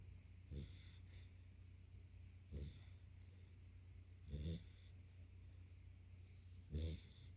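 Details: Soft snorting snores, about one every two seconds, over a steady low room hum; a sleeping yellow Labrador retriever puppy snoring.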